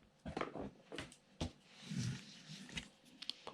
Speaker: oh my goodness you can hear my tummy rumbling not good